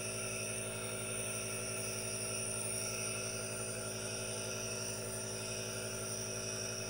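Steady, continuous hum and hiss with a faint rapid pulsing; an aerosol nebulizer running.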